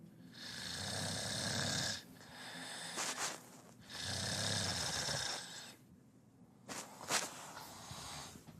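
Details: Loud, harsh, hissing snoring breaths during sleep with rattling snorts between them; heavy snoring.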